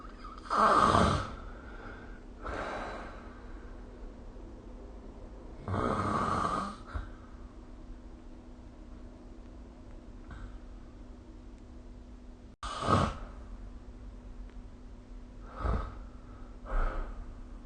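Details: Snoring during sleep recorded with the SnoreLab phone app: irregular rasping snores with snorts and breathy gaps over steady room hum.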